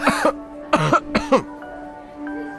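An adult gives a run of four acted coughs, voiced and harsh, over steady background music.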